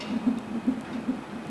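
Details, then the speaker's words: Fast, regular whooshing fetal heartbeat, about 150 beats a minute, on a fetal monitor during labour with contractions, before the baby's birth. "and here's the baby's heartbeat see hey see your little heartbeat right there can you hear your heart beat"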